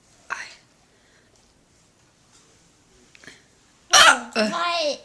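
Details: Hiccups near the end of a roughly five-minute bout after eating Chinese food: several brief, abrupt gulping catches in the throat, spaced seconds apart, then a burst of voice.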